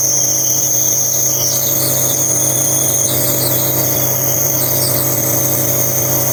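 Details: Steady mechanical hum with a high hiss throughout from a nebulizer compressor, giving a night-time aerosol treatment to a sleeping 9-month-old baby with cough and colds for over a week; nebulizer compressor running.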